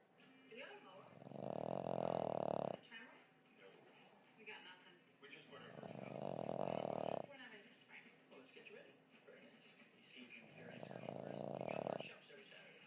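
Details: Three loud, rough snores about every 4.5 seconds, roughly 14 a minute, with quieter breathing between them; snoring.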